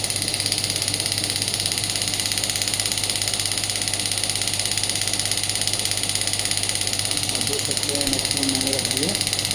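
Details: Biotronix radial pneumatic shockwave (ESWT) therapy device running: rapid steady mechanical pulsing, about 167 per minute, with a hum underneath.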